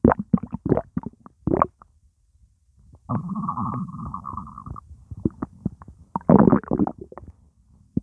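Gurgling, bubbling abdominal sounds with a sustained rumble midway; ordinary stomach rumbling from gas and fluid moving through the gut.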